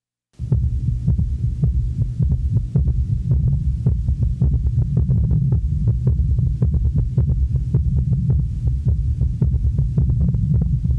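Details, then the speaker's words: Quadruple rhythm (summation gallop) with both S3 and S4 at normal heart rate, all four heart sounds in a repeating four-part cadence of low thumps, recorded at the apex of an elderly male patient. "the four sound cadence of a quadruple rhythm may be heard listen to such a rhythm in which all four heart sounds are present"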